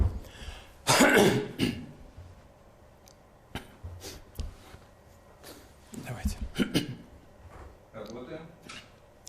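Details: A man, 73, pauses a recorded address, gestures to his neck, saying his throat is dry and scratchy from talking a lot, then clears his throat and coughs repeatedly for about 30 seconds in a small quiet room.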